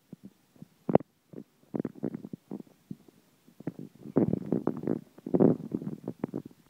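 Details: Irregular low gurgling and bubbling from the belly of an animal having its tummy rubbed: ordinary stomach and gut rumbling.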